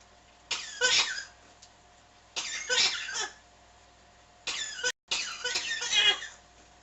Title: coughing non stop